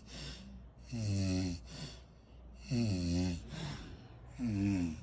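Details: Person recorded asleep who says she doesn't snore: loud, rhythmic, low rattling snores on each breath in, about three in five seconds, with quieter breathing out between.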